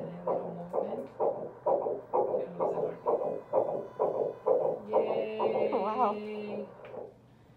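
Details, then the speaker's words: Fetal heartbeat on first-trimester prenatal ultrasound at 6 weeks 4 days: rapid, regular whooshing pulses at about 128 per minute with soft music behind; early embryo heartbeat with gestational sac seen. "this time around we finally got to see the sack we heard the heartbeat"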